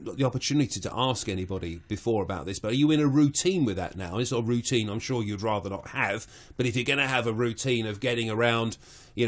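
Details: Adult male speaker (radio interviewer); Ordinary speech.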